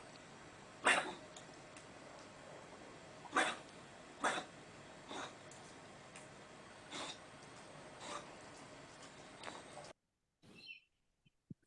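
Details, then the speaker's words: Puppy with a run of about seven soft, dry, short coughs: a soft paroxysmal dry cough, associated with lower airway disease such as pneumonia rather than the harsh cough of tracheobronchitis. "how would you describe that one paroxysmal dry go yeah harsh or soft soft soft wasn't it yeah um so those soft coughs I tend to associate with lower airway pathology so I think we see a soft cough in dogs with pneumonia"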